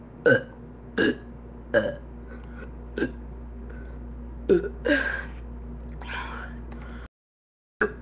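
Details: A string of about six short, croaky belches over a steady background hum; repeated burping.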